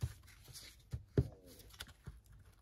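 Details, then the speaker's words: Adult's stomach growling from hunger (needs lunch) while decorating a junk journal: low rumbling thumps and a brief gurgling, warbling swirl under quiet room and paper-handling noise; normal borborygmi. "I'm sorry if you can hear my stomach growling I need lunch"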